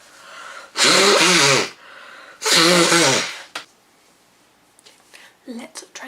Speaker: Oh god, I'm going to sneeze. Gosh, I'm going to sneeze. Excuse me. Oh my god, I'm going to sneeze.